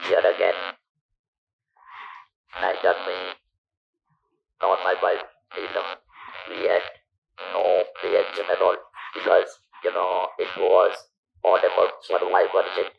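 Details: Electrolarynx speech from a man who lost his natural voice after surgery for stage 4 vocal cord (throat) cancer, a survivor since 1997; long-term survivor of about 10,000 days.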